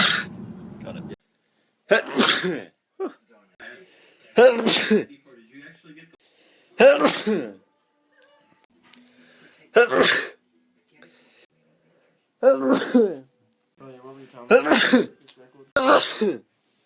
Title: Me sneezing compilation #4